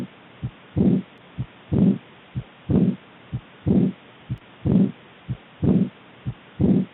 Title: Aortic regurgitation heart murmur